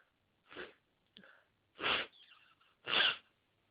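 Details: Congested adult with itchy nose and watering eyes, trying to hold back sneezes: a quick series of short, partly held-back sneezes with sniffs in between, part of a sneezing fit.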